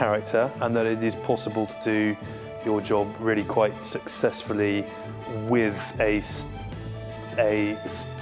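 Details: Adult male serviceman who stammers, a founder of the defence stammering network, speaking in an interview; stuttering.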